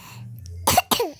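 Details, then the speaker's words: Two quick, harsh coughs from a child, with game sounds in the background; cough. "Lagi di batuk."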